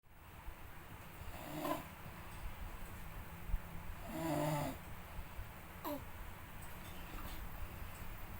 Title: Suara ngorok terindah serumah🤪 prat3